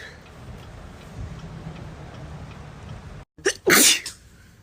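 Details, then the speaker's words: Woman with allergies who cannot stop sneezing in the morning: a single sharp sneeze with a brief catch before it, after a stretch of quiet room noise. "Good morning to me, not being able to stop sneezing. What? Just sneezed all over my phone."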